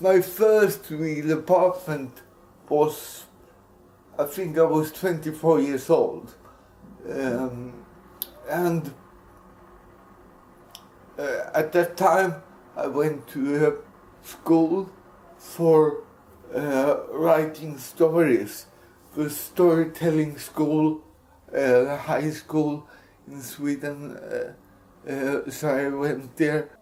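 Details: Dysarthric speech in an adult Swedish man with cerebral palsy, speaking English.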